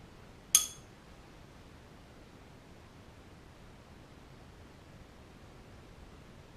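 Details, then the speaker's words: Tuning fork struck and placed behind the right ear of an adult male patient for a Rinne test during a head-to-toe assessment: bright ringing tone fading into room noise; air conduction greater than bone conduction. "now I'm going to cond conduct the Renee test I'm going going to stick this behind your ear tell me when you can no longer hear"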